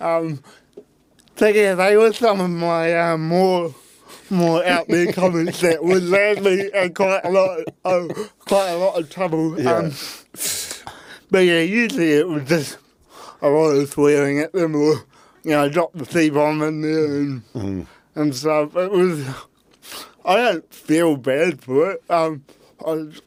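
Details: Adult man with cerebral palsy; his parents were told at birth he would never walk or talk; intensive therapy from birth to age six for walking and talking; used a walking frame at school; dysarthria (cerebral palsy).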